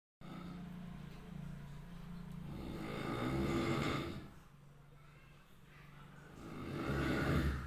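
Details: Sleeping orange cat snoring very loudly: slow rumbling snores, roughly two breaths heard with long noisy inhalations, over steady room noise.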